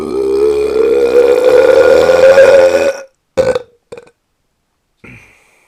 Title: Der Trottel rülpst wieder The idiot burps again